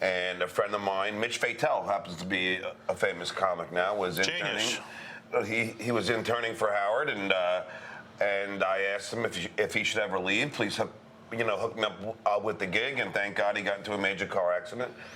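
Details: Adult male comedian who describes himself as a stutterer; word repetitions such as "he he" and "and and"; stuttering.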